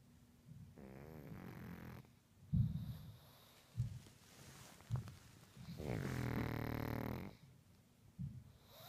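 Loud, rough, rumbling snores with long drawn-out groaning breaths and snorts, typical of a flat-faced dog's noisy sleep breathing.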